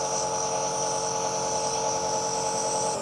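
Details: A steady mechanical hum and hiss of a nebuliser running continuously during a severe asthma attack at a GP practice, after about six inhaler puffs; the breathing rate is rising despite treatment and an ambulance is called.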